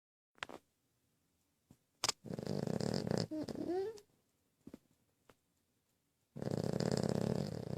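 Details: Sleeping pet snoring: loud rasping snore breaths with quiet gaps and a few faint clicks between.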